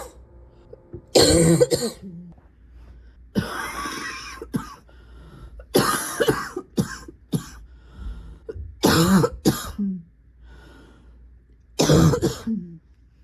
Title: #65 - coughing and coughing…and coughing…